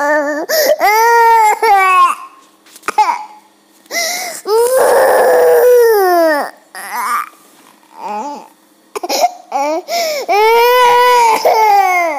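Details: Two-year-old boy crying loudly: long drawn-out wailing bursts with gasping breaths and sobbing catches between; upset toddler crying.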